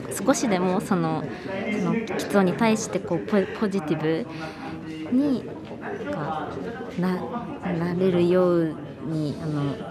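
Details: 22-year-old female university student who stutters, mainly with blocks where her voice gets stuck; stuttering.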